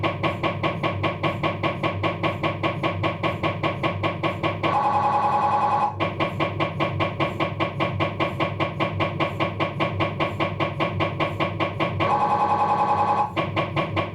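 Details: Abdominal MRI on a Philips 1.5T scanner during a diffusion sequence: loud, rapid, steady knocking at about 150 a minute, broken by two bursts of high buzzing tone; MRI scanner noise.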